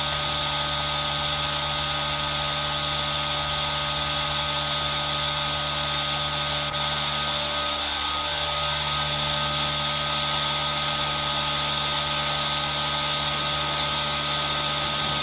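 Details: Steady, high-pitched hissing drone of a running aerosol nebulizer with a constant hum underneath, recorded on a Zoom H1n for ASMR, with soft rain sound mixed in.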